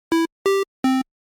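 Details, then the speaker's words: Three short electronic beeps at slightly different pitches with flat amplitude envelopes, abrupt start and stop; conventional hospital alarm tone, shown before a more natural percussive-envelope version. "by changing the amplitude envelope to something more natural you can go from this"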